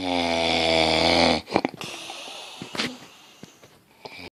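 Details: A male snoring. Finding: snoring.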